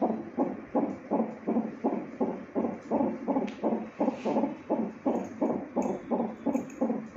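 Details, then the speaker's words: Rapid, regular whooshing fetal heartbeat, about 165 beats a minute, from hospital CTG monitor speaker during pains; mother walking about to ease pains; normal fetal heart rate. "ఇక్కడ చూడండి సీటీజీ పెట్టారు నాకు. నా baby heart beat వినండి. Heart beat వింటున్నంత సేపు ఎంత హ్యాపీగా అనిపిస్తదంటే అంత హ్యాపీగా అనిపిస్తది."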